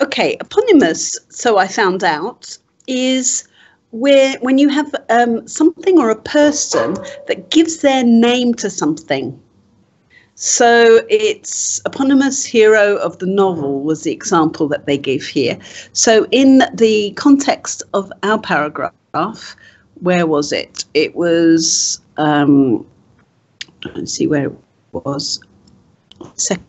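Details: Adult woman; typical speech.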